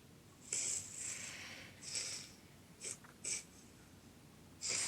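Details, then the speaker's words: Child with episodes of eyes rolling, legs affected and being awake but unresponsive, filmed lying down: rapid, irregular, hissing breaths; abnormal breathing during an unresponsive episode. "she's awake but when she's like that she's not responding to you and her breathing's funny can you hear the breathing"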